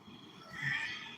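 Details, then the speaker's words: Simulated asthma-attack wheezing imitated during a first aid/CPR class: a strained, high-pitched whistling breath that rises then fades, with room noise. "What's that high-pitched noise when somebody who's having an asthma attack is trying to breathe and that high-pitched noise is coming out? What's that called? Wheezing."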